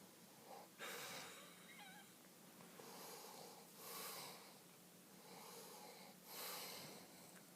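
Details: Adult man asleep, snoring loudly: slow, rough, noisy breaths about every three seconds with a harsh fluttering on each breath. Snoring.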